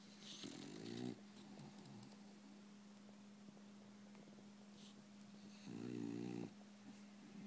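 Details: French Bulldog snoring, loud enough that he sleeps by himself: two rough, buzzing snores about five seconds apart over a steady background hum.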